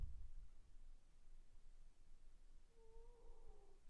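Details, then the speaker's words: Pet dog snoring while sleeping, heard during a recording: a quiet, low rumbling breath sound ending in a brief whistling tone. "I don't know, can you hear my dog snoring?"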